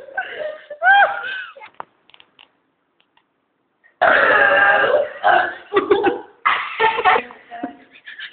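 Several drawn-out, voiced burps with a short silent gap between them.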